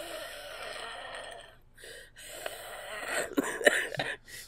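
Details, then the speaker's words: Adult man with a summer cold, congested with a bad cough, breathing in and out noisily with a rattly, wheezy quality. "And, you know, bad cough. And I have that rattly breath. Like if I..."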